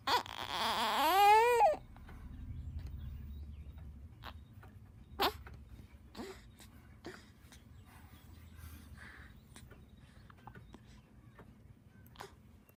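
A short, rising newborn cry, then quiet with faint room hum and a few soft catches: a brief infant cry.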